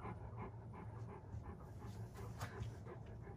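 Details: Great Pyrenees dog, male, born November 2014, pants fast and rhythmically with open mouth after a stove slightly warms the room: heat panting.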